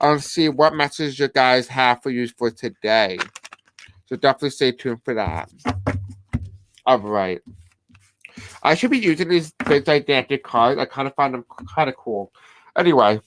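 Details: Deaf speech (deaf accent) in a man who describes himself as having a deaf accent.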